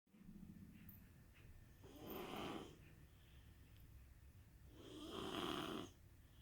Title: My kid snores better than your kid